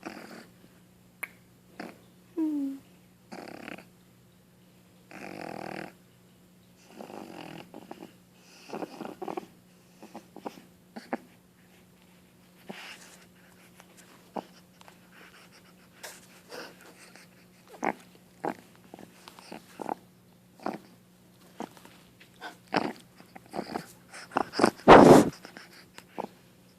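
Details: Boston terrier puppy coughing: repeated short snorting, wet coughs suggesting mucus or phlegm in the throat or nose; owner worried she is sick.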